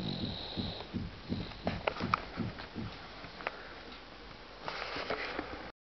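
Soft, rapid, rattly breathing noises with a quick rhythm, heard over room noise: an infant's light snoring.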